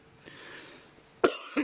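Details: Two sharp, harsh cough bursts from an adult after a quiet pause during a WHO coronavirus session, with faint room noise, said not to be coronavirus: brief ordinary cough.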